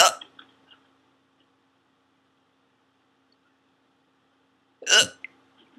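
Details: Ongoing hiccups, not gone when recording stopped: two sharp, abrupt hiccups about five seconds apart, with near silence between.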